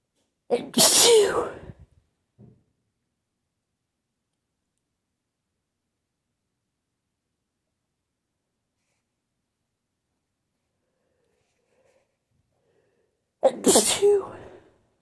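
Two forceful sneezes, each with a brief inhaled buildup, separated by a long quiet gap; ordinary sneezing.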